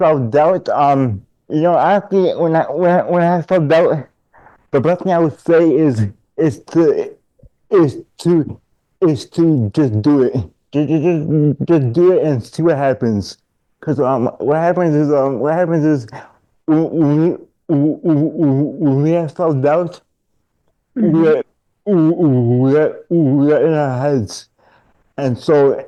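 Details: Adult man diagnosed in childhood with dystonia, a neurological disorder affecting mobility; dysfluent speech with word and phrase repetitions in dystonia.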